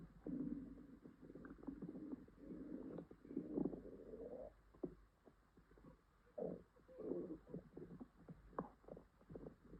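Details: Female upset stomach with stomach ache and possible diarrhea: low gurgling rumbles and bubbling in irregular runs, active bowel sounds (borborygmi).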